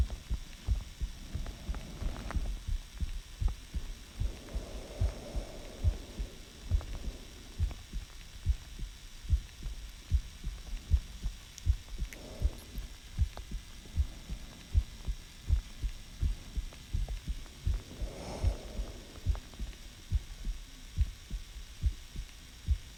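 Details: Own heartbeat recorded by the person for heart-sound detail rather than rhythm, asking whether it sounds healthy; steady low heart thumps at about 79 beats per minute, with faint hum and occasional rustling.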